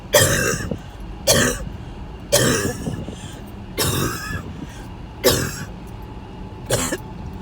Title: Coughing Fits while headed to ER